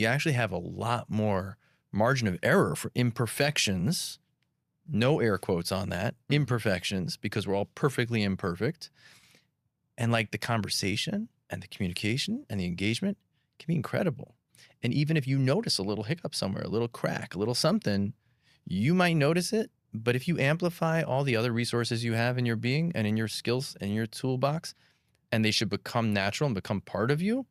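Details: Adult male speaker; typical speech.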